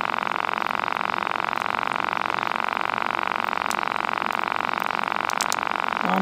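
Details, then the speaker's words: Wrist blood pressure cuff, battery-powered automatic monitor, inflating and squeezing the wrist with a steady buzzing motor hum; reading afterwards 158/111 in a man who had just been moving about with arm unsupported, taking blood pressure medicine. "there's batteries in it it's somehow makes it fill up with air and squeeze my wrist I know it sounds rude at first then it sounds like a cat cing"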